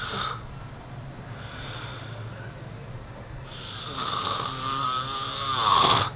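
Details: Adult roommate snoring at 12:00: noisy breathing, then a loud, rattling, fluttering snore on the in-breath over faint room hiss.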